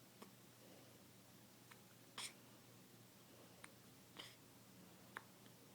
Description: hiccups at 3 weeks old